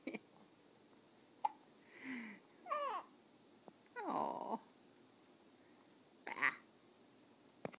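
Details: Hiccups: several brief, abrupt voiced catches spaced a second or two apart in a quiet room.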